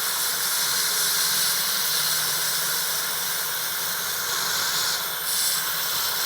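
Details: Adult male patient at a routine professional dental hygiene appointment after plaque and bleeding scoring. An Airflow air-polishing unit gives a steady, loud hissing spray during a warm, gentle tooth clean that removes plaque between the teeth.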